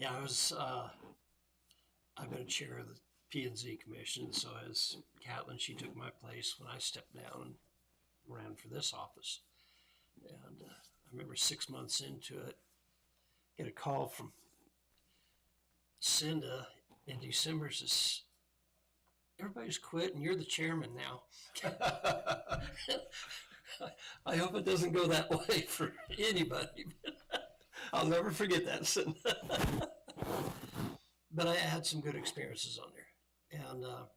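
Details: Adult male speaker; ordinary speech.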